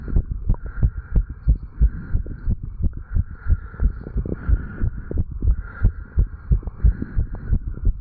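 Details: 35-year-old male after jogging, recorded at the tricuspid valve area: fast, steady, strong heart thumps over faint background hum, raised rate; normal heart sounds after exercise.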